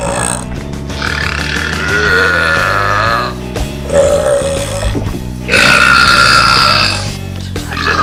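Long, loud, rumbling belches over background music.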